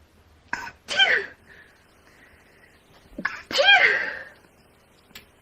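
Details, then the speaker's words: Person with allergies who always sneezes in twos: two sneezes a few seconds apart, each a quick inward catch then a loud, forceful burst. "Wow, I always sneeze in twos. Fun fact about me."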